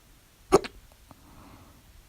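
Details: A sharp, loud hiccup with a quick echo-like second catch, then faint small clicks in a quiet room, at 3:04 a.m. after overeating at dinner; the loud hiccups come with the mouth open, others with it closed; hiccups.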